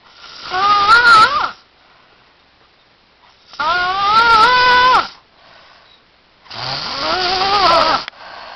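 Three loud, rasping snores with a rising-falling buzzy tone, spaced by quiet pauses, about 18 a minute: snoring.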